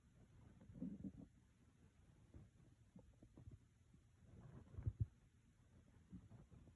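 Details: Low, irregular rumbling with gurgling bursts from the stomach of a person sitting at a work desk after skipping breakfast, very hungry; ordinary hunger stomach growling (bowel sounds).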